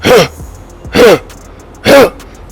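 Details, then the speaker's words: Person imitates a dog's persistent cough with three harsh, honking bursts about a second apart, illustrating a cough that is cause for concern, such as kennel cough: imitated dog cough. "The dogs will cough a little from time to time, but if you have a persistent cough, and I know if I'm allowed to demonstrate what a dog's cough is like, you hear the dog going,"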